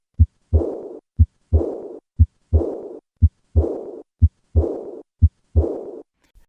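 Regular heartbeat at about 60 a minute; each second sound runs into a long, fading blowing murmur in diastole, the murmur of aortic regurgitation.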